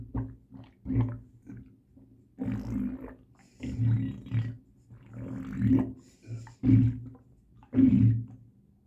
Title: sloshing stomach incredible super sound